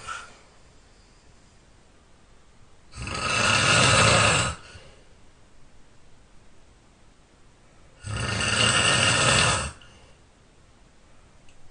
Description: My snoring is relentless ... nothing could stop me.